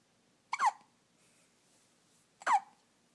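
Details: Newborn baby with hiccups: two sharp, squeaky hiccups about two seconds apart in a quiet room. Hiccups.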